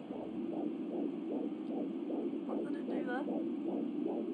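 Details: Fetal heartbeat at 12.5 weeks of pregnancy on a home Angel Sounds Doppler: rapid, regular whooshing at about 150 bpm that fades and returns; mother suspects two heartbeats (twins), unconfirmed.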